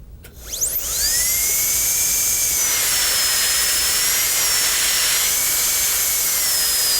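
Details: Dental high-speed handpiece with diamond bur making depth cuts on a maxillary canine for a porcelain-fused-to-metal crown: cervical cut about 1.25 mm, labial and horizontal cuts; steady continuous high-pitched whine while cutting tooth.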